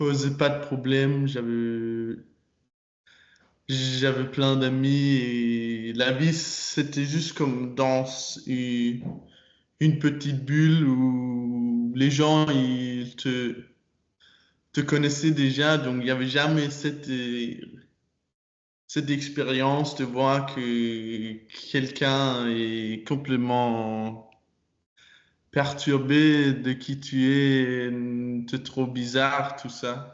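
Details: Stuttering in a 22-year-old man speaking French with repetitions and blocks; his stutter was very strong when he was younger and still affects him.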